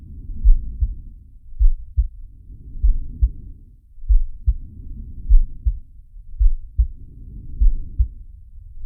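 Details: Heartbeat with breathing from the Zig & Sharko animated cartoon: paired low heart thumps at about 100 a minute, with soft breath sounds rising and falling underneath.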